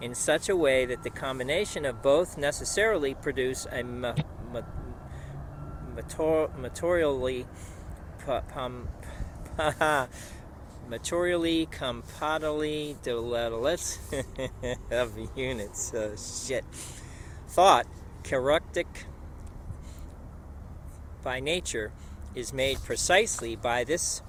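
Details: Man reading aloud within two years of a left-hemisphere stroke in Broca's area: expressive aphasia with paraphasias (substituting unintended words) and impaired reading; archival recording.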